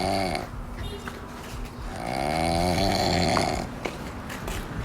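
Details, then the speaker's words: Cow snoring while asleep, in a comedy short: loud, drawn-out rumbling snores with a throaty rattle on the in-breath. "Siapa sih itu yang ngorok? Ma, Mama denger gak suara ngorok?"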